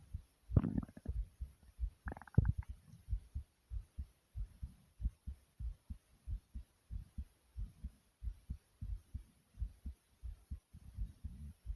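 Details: Heartbeat and stomach noises after air boxing exercise: steady muffled heartbeat thumps with two brief gurgling stomach rumbles early on, ordinary bowel sounds.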